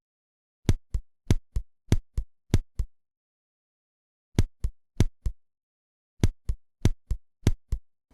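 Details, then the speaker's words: Heart sounds, regular pairs near 97 a minute broken by pauses where two beats, then one beat, drop out: second-degree sinoatrial block. "когда сердце не сокращается хорошо слышны на фоне ритмичной работы сердца давайте послушаем ещё раз паузы При синоатриального блокаде второй степени"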